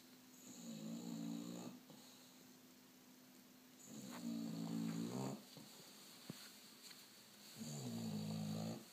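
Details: Three loud, low rattling snores about every 3.5 seconds, each on an in-breath, quiet pauses between, from a sleeping bulldog; snoring.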